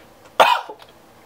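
A single short, harsh cough from an adult man with a cold, with a brief throaty tail.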